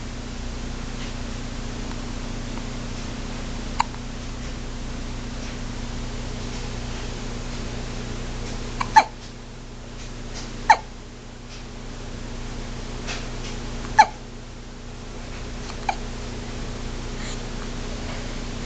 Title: Tiny Sneeze & Tiny Hiccups